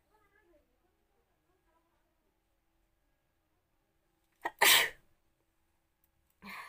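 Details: Sneezing deliberately induced by tickling with a matchstick: faint background talk, then a sharp breath in and one loud sneeze, with a second burst starting at the end.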